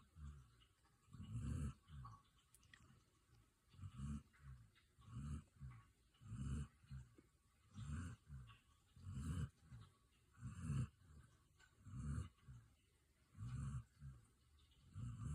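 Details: Snoring recorded March 2023: soft, low rumbling snores repeating with each breath, about 40 a minute, in a quiet room.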